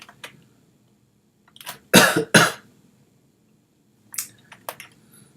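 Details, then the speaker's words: Adult streamer apologising for rough, persistent coughing during a live coding stream: two loud, harsh cough bursts in close succession in a quiet room, faint clicks around; repeated cough. "we could just do this there we go so now we P sorry about the coughing it's rough okay"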